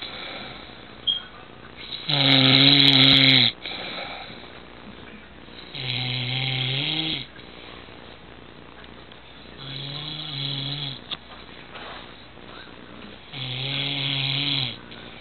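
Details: Adult man (dad) who fell asleep sitting up: loud rattling snores on each in-breath, about four over fifteen seconds, with quiet breathing between; ordinary snoring.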